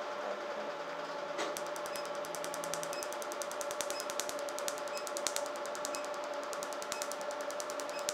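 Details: Rapid, fine clicking pulses over a steady device hum; RevLite SI laser firing during a patient's tattoo removal treatment.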